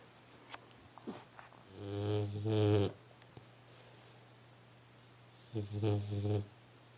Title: Puppy Matches are EXHAUSTING! snore, snuffle, snore